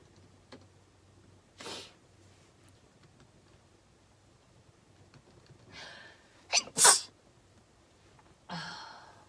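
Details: Ex-Sistar singer during a live stream: breathy intakes build to a sharp, explosive burst, then a trailing exhale; an ordinary sneeze in a quiet room.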